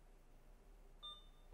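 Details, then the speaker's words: BD Alaris 8110 syringe pump module with PCU, training demo: channel off pressed and held at end of infusion, giving a single short electronic beep before the system powers down. "So, I will press and hold channel off till I hear a beep."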